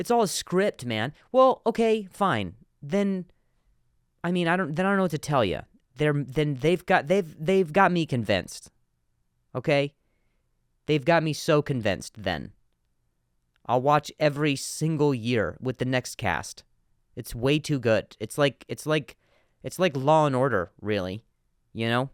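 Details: Adult male comedian who stutters, speaking on his podcast with word and phrase repetitions; stuttering.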